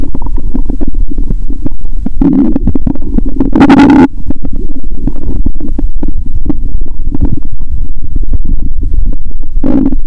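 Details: Stethoscope on own stomach after eating Mentos and drinking cola following a fast of over 15 hours: loud growling bowel sounds.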